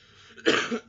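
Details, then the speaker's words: Adult man still coughing after being sick the previous week, now feeling somewhat better, giving a single short, harsh cough during a live stream; lingering cough. "As you can hear, I still have a cough. I was not the best last week. I was actually sick last week. I had a real bad cough."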